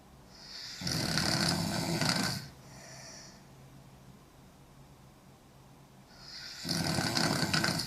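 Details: Young woman heavily snoring: loud, harsh rattling snores on the in-breath, two cycles about six seconds apart with a quieter out-breath between; heavy snoring.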